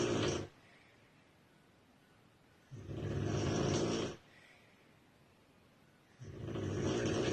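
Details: Regular loud, rough snores on each in-breath with quiet gaps between, about 17 breaths a minute, from a sleeping woman described as a very heavy snorer; heavy snoring.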